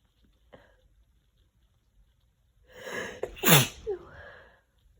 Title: Messy Cold Sneezes (f)